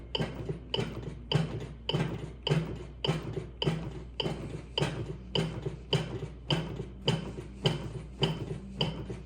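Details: Steady clicking beat at about 103 per minute from a Lifepak CR2 AED in adult mode during a demo, pacing chest compressions after a delivered shock; CPR metronome.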